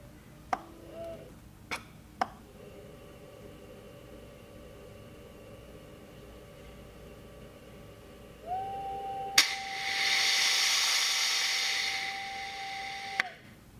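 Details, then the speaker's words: Panther 5N non-invasive ventilator circuit check/calibration with a new patient circuit occluded and an adult flow sensor: clicks, steady electronic tones and a burst of rushing air. "Select begin circuit check. Occlude the circuit and follow the instructions on the screen."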